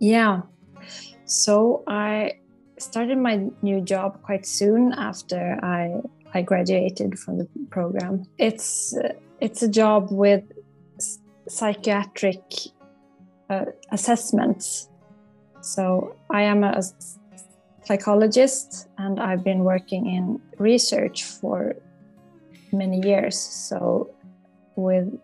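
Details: Stuttering in an adult psychologist who stutters and has worked with a stuttering coach, with audible word repetitions.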